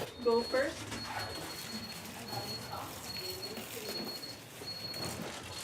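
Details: Brief thin high-pitched cry from a premature newborn in a neonatal unit, with faint fussing; the crying baby is not the intubated infant, who received surfactant.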